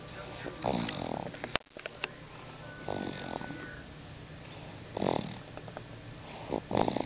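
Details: Snoring.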